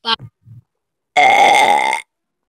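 A few short throaty sounds, then one loud, drawn-out, toned burp lasting about a second.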